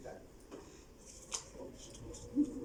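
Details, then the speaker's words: Imitation of fine crackles, made by rolling hair between the fingers: the inspiratory, alveolar-level crackle usually heard at the lung bases, unchanged by coughing. "a que este eh simule este Sonido el clásico que se dice no que agarras el cabello y rotas Ese es el"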